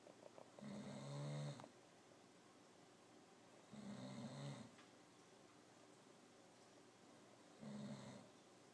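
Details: Soft, buzzing snores on each in-breath, about three in nine seconds, in a quiet room; a cat snoring.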